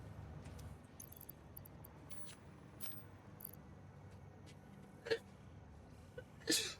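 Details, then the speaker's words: During a live video-game stream, an adult sneezes once: a short burst, then a sharper, louder explosive burst over room hum and light clicking, which they jokingly deny. "You guys hear that? Totally wasn't sneezing. Holy crap."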